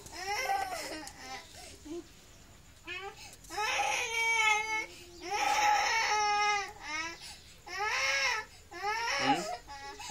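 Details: Infant crying in repeated loud, high-pitched bursts with short pauses and quieter whimpers between.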